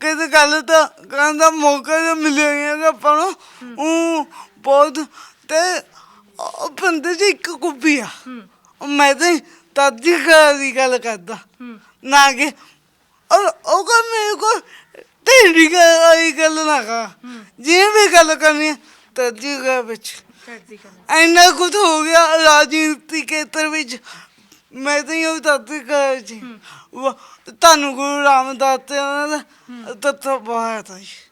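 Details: Young Punjabi man with a disabled hand, speech problem present since birth; stammering.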